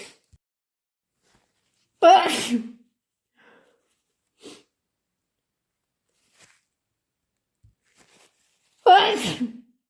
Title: Super wet induced sneezes and blows